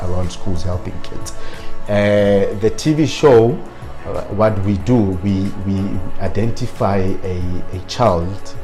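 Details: Stuttering in an adult man who has self-coached his fluency but still stutters on certain words.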